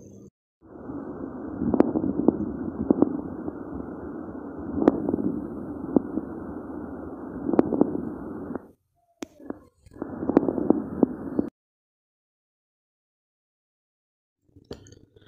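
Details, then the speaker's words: Pleural friction rub heard on chest auscultation: coarse, creaking grating sounds with each breath, in both inspiration and expiration, not cleared by coughing; audible at the lung apices and interscapulovertebral spaces; linked to pleuritis, pneumonia or pulmonary embolism. "este sonido es muy similar a lo que es el ronco pero no desaparece después de que el paciente entonces se puede presentar tanto en la inspiración con una espiración es audible en los ápices pulmonares y en los espacios inter escápula vertebrales"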